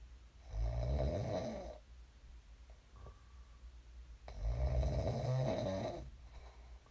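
Two loud, rattling snores on inhalation with quiet pauses between, in a small room; ordinary sleep snoring.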